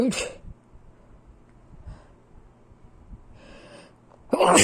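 Two sharp, explosive bursts of air, one at the start and one at the end, with quiet breathing between: sneezes.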